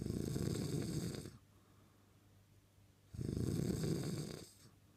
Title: The sweet sound of snoring